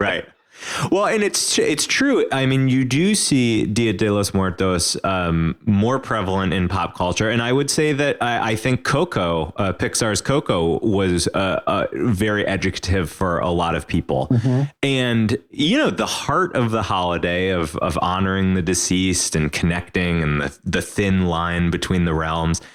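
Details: Adult man speaking; normal speech.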